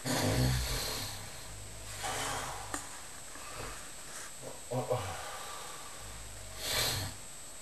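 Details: Overweight adult man asleep in a hostel bunk, audio only: low rumbling snores with a few snorting catches, separated by quiet breathing in a small room; snoring.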